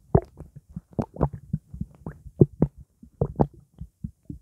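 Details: Stomach after drinking blackcurrant juice: rapid, low gurgles and sloshing pops of fluid moving in the gut; normal stomach gurgling (borborygmi).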